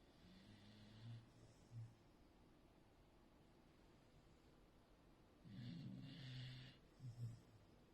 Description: A beagle snoring